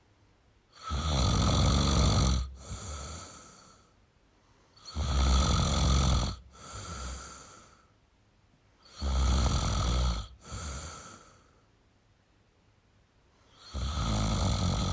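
Loud, harsh snores on breathing in, each followed by a softer rush of breath out, about 15 a minute.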